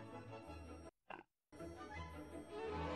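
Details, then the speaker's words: Streamer with recent hiccups, thought from a throat medication, belching just after eating something: a single short, rough belch breaking a brief pause in background music. "um I really hope no one heard me just [ __ ] belch"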